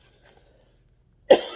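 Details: Cough.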